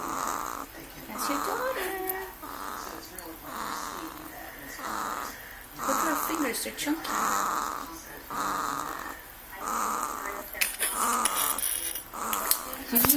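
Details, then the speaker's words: Soft, rhythmic rasping snores, about one per second, from a sleeping 2-week-old baby girl; faint room noise. "She snores like her daddy."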